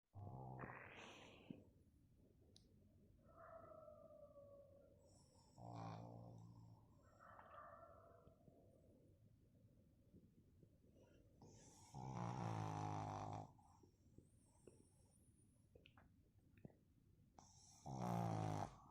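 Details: Pug, a flat-faced dog, snoring: low rumbling breaths in bursts with snorting, whistling noises between them.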